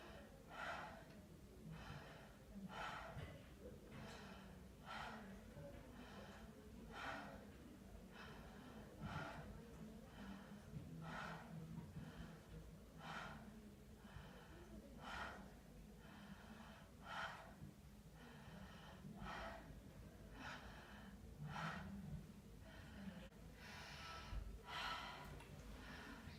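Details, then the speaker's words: Lung auscultation by stethoscope on the back of a patient breathing consecutively through an open mouth: regular soft breathing, about 29 breaths a minute, with normal lung sounds and no added noises. "Se puede escuchar que los sonidos pulmonares se encuentran normales."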